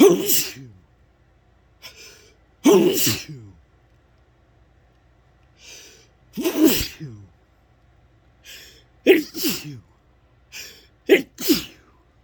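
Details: Sneezing fit: six forceful sneezes in quick succession, each with a sharp inhaled lead-in, and wet nasal sniffing between them; messy.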